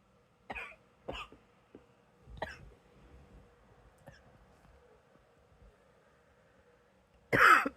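Several small, quiet coughs and throat-clearing sounds, ending in one louder cough; a mild cough trying to clear the throat.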